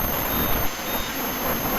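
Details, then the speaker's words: Ultrasonic dental scaler on a 7-year-old pet with heavy tartar buildup: high steady whine with water spray hiss, removing remaining fine tartar after hand scaling during a veterinary dental cleaning. "all right so now that I was evoked for the most part I'm going to go ahead with my ultrasonic scaler and get those fine"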